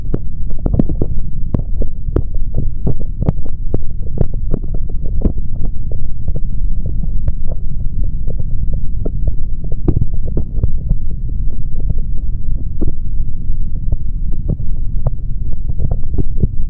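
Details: Male body sounds recorded through a stethoscope for ASMR, no talking: dull, steady heartbeat thuds over a loud low hum and rubbing from the chestpiece; heartbeat.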